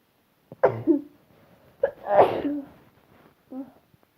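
Sharp sneeze bursts, each with a quick intake and explosive release, three in close succession: a run of sneezes.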